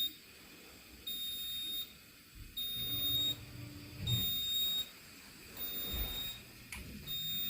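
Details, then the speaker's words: Repeated high-pitched electronic beeps, about 40 a minute, over low room noise: an oxygen analyzer alarm going off on room air (21%) during a respiratory therapist's heated high-flow nasal cannula setup demonstration; alarm limits are low 21, high 97. "you can already tell that your alarm is already going off room airs 21% right here we have a set at 21"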